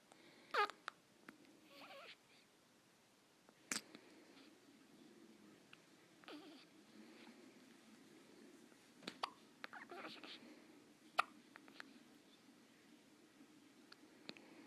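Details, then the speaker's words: Post-feeding hiccups in a baby girl: brief, faint hiccups at irregular intervals among soft baby noises. "Someone has the hiccups."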